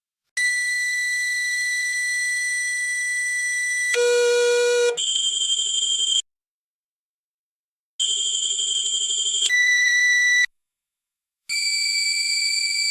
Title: Dental X Ray Machine Beep Sound Effect